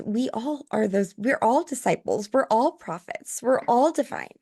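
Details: Adult woman speaking; Normal speech.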